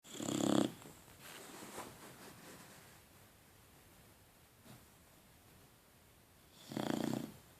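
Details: Boxer dog sleeping: two loud rattling snores about six seconds apart, with quiet breathing between them in a small room; dog snoring.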